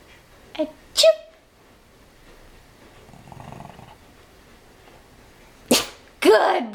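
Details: Dog (Emmett) gives several short, sharp sneezes in quick succession, excited at being asked about going for a walk; quiet room noise between sneezes.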